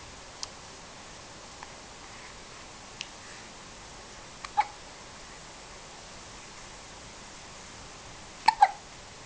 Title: Hiccups again